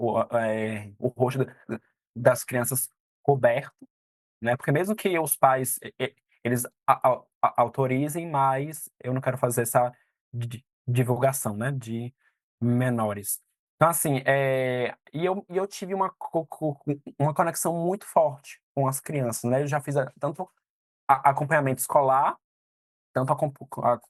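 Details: 22-year-old man who stutters, a psychology student, speaking Portuguese; stuttering.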